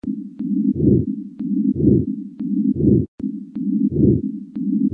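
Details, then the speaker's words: Stethoscope heart auscultation in a pediatric teaching context: heart sounds at about 60 a minute with a scratchy rubbing noise through each cycle, likened to hair rubbed between fingers; pericardial friction rub, possible pericardial effusion or post-pericardiotomy. "some other abnormal heart sounds you may want to be aware of is a paracardial friction rub this may sound sort of like if you took a piece of hair and rubbed it between two fingers and listened to"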